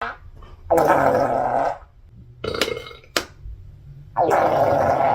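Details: Girl: two long, loud, rumbling belches separated by short noises; burping.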